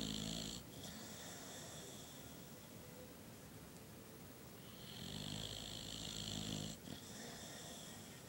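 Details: Sleeping female boxer dog with a flat, brachycephalic nose that makes her snore; rattling, buzzy breathing sounds with two long snoring breaths. Snoring.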